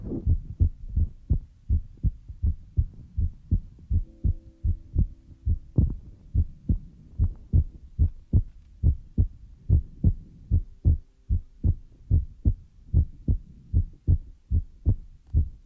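Steady paired low thumps at about 37 beats a minute, a regular heartbeat rhythm.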